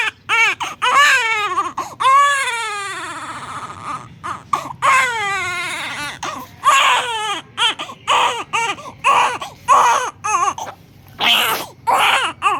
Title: ❤️❤️🥰 New born baby child crying 😭 sound effect 🧿😭🍼#dailyvlog #youtubeshorts